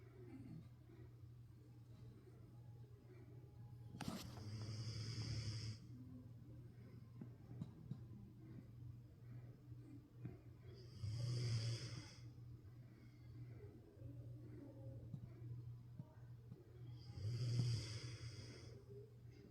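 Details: Pet sleeping: slow, low buzzing snores about every six to seven seconds, each followed by a hissing out-breath, in a quiet room; snoring.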